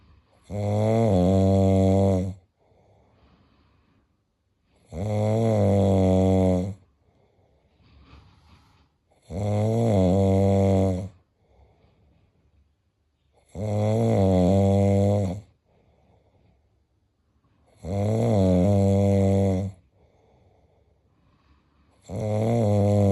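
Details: Snoring in a sleeping friend: loud, low, buzzing snores repeating steadily at about 14 a minute, with quiet breathing between them.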